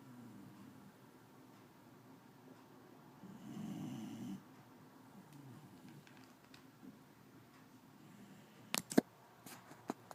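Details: Mild snoring: a soft, low rumbling snore with one louder breath among quiet breathing, and a few sharp knocks near the end.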